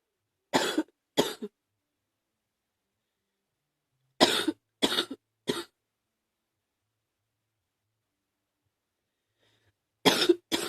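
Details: Three bursts of harsh, loose-sounding coughing, about eight coughs in all, with silence between; chest cough on day 4 of a viral illness that has moved into the chest.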